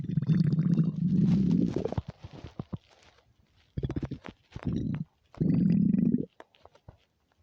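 Loud gurgling, rumbling growls in bursts with brief crackly pops between them; ordinary stomach rumbling of an empty stomach.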